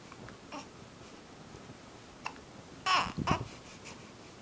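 An infant makes a few soft sounds, then short, abrupt voiced catches typical of hiccups in a quiet room.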